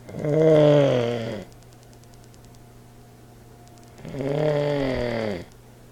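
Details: Old man snoring: two loud, rattling, voiced snores about four seconds apart, separated by quiet, with a steady background hum; recorded with an iPod speaker recorder.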